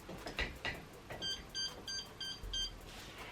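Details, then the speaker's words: 16-year-old girl, bilateral above-knee amputee after childhood meningitis, tips her C-Leg microprocessor prosthetic knee upside down: handling noise, then five short high beeps showing the battery is nearly, not fully, charged. "You can check the battery level by tipping your leg upside down. So 5 beeps, it means like we're not fully charged, but quite fully charged."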